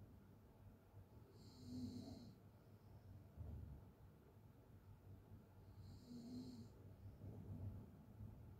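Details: Open-mouth snoring during sleep: rough, rattling snores on each in-breath with quiet breathing between, about two cycles in eight seconds.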